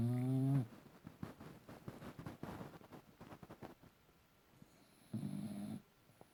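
A short, deep, buzzing snore opens the clip, then soft snuffling breaths and another brief low snore. Snoring.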